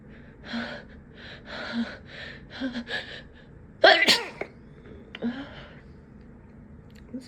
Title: Desperate, Apologetic Sneezes (holdbacks and talking)